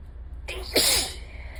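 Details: Allergic sneeze on the day after a bad allergy day, allergies still ongoing: a quick indrawn breath, then one sharp, explosive sneeze in a quiet room.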